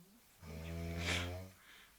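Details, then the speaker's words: Sleeping woman's severe snoring, filmed unedited as real, continuing even with the light switched on: one long, loud, deep rattling snore lasting about a second, with a rough hissing peak; heavy snoring. "Мальчики, берегитесь. Если вам достанется такая жена, то вы спать не будете по-любому, потому что сейчас не спим мы."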